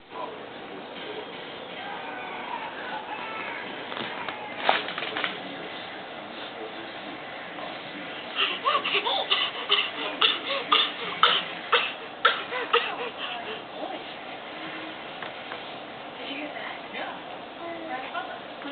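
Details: A child laughing with coughing mixed in: a run of short, rhythmic laugh-like bursts over steady room noise.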